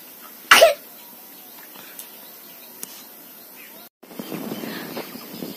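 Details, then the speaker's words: A sick child at home: a single short, forceful cough, then quiet with steady background noise, likely rain. The cough is severe, and a doctor plans a blood test if it does not ease. "আর আমি যে শুনতে পাচ্ছি প্রচন্ড কাশছি, মানে আজকে যদি না কিছুতেই কমে, ডাক্তারবাবু বলেছে কালকে সকালে নিয়ে যেতে, ব্লাড টেস্ট করবে।"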